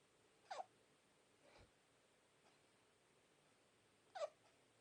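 Two brief, sharp little catches about four seconds apart, with faint breathing between them in a quiet room; infant hiccups.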